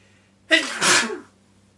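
A single loud sneeze with a quick intake and forceful burst of air.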